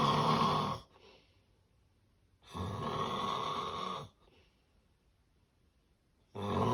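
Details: Severe sleep apnea snoring: loud, harsh, irregular snores and snorts separated by silent pauses of a few seconds; snoring with sleep apnea.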